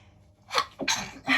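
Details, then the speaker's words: Self-induced sneezing using powder: a quick indrawn breath, then two sharp explosive bursts close together, a pair of sneezes. "I'm going to make myself sneeze."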